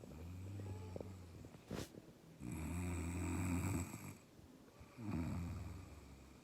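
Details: Woman snoring loudly while asleep around 3 a.m., recorded by her partner: repeated low rattling snores, about three in six seconds, with a sharp snort between.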